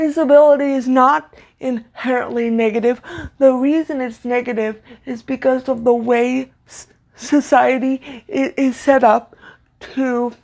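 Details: Stuttering in an adult woman with cerebral palsy, a neuromuscular disorder she says affects motor control including speech; her stutter worsens when reading aloud; here spontaneous speech.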